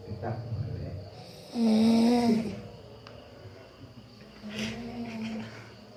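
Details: Loud rough snore on breathing in, then a quieter second snore, faint room noise between; person snoring while asleep.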